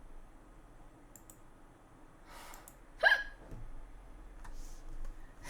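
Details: Single sharp, abrupt hiccup from a Korean streamer during a live stream, against quiet room noise with faint clicks nearby.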